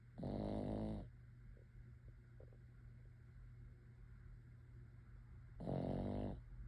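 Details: Sleeping dog snoring on a quiet evening: two soft, rumbling snores about five seconds apart over quiet room hum.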